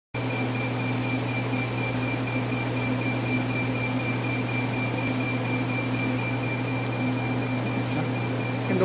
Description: Copper Bromide laser treatment is very effective for pigmentation lesion and vascular lesion together.